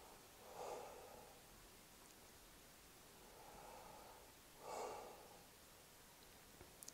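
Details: Normal breath sounds over the left upper lobe on the anterior chest, at the second intercostal space, heard with the stethoscope diaphragm during deep breaths in a nursing head-to-toe exam: soft, low, clear whooshing with no added sounds.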